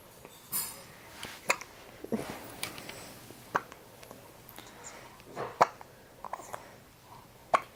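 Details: Hiccups in an infant girl still in diapers: short, sharp catches of breath repeating irregularly, about six in eight seconds, over quiet room noise.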